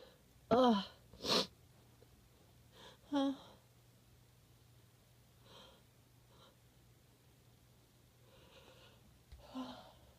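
Several short, forceful nasal snorts and sniffs, some voiced, with quiet gaps between them. Repeated snorting that does not build into a full sneeze.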